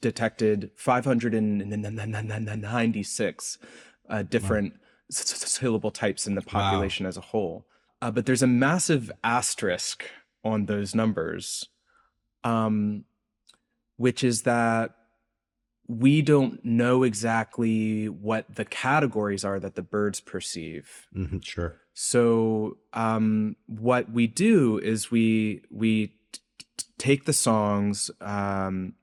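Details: Adult researcher who says he has a speech impediment heard throughout the interview; word repetitions in this stretch; stuttering.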